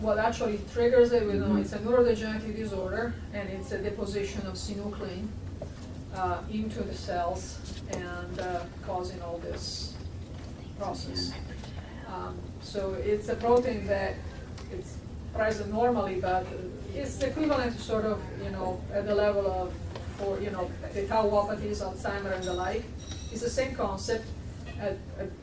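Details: Adult speaker; normal speech.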